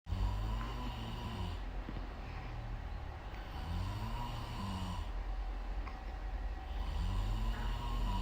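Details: Father snoring loudly while asleep, startling his baby: low, rumbling snores rising and falling with each breath over steady background noise.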